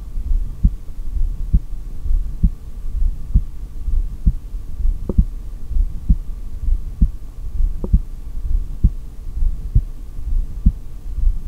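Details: Adult heartbeat heard through a stethoscope during an exhaled breath-hold: steady, regular low thumps about 66 per minute, no breath sounds, faint hum, some stomach growls.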